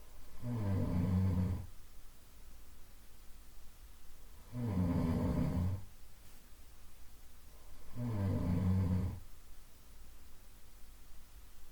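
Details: Soft, low, rumbling nasal snores on inhalation, about 16 breaths a minute, with quiet room noise between; a 15-minute looped sleep-ambience recording.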